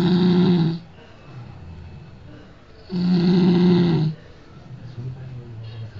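Loud, rough, buzzing snores on each breath in, about one every three seconds, with quieter breathing between.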